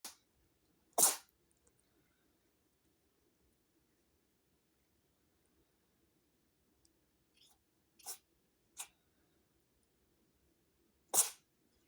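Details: A run of about five sneezes: short, sharp, hissing bursts scattered through quiet, with small sniffs between.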